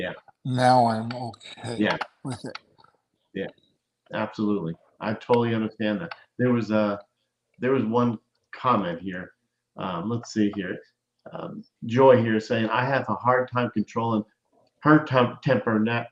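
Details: Adult male speaker; normal speech.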